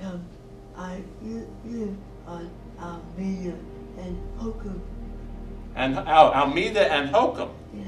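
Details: Adult woman after stroke, at a speech therapy seminar for stroke and aphasia; therapist works on separating words to raise intelligibility above 90%; post-stroke speech impairment with reduced intelligibility.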